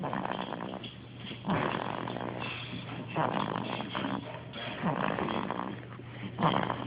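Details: Soft, rattling breathing noise on each breath, about 36 cycles a minute, against a steady room hum; a baby snoring during sleep.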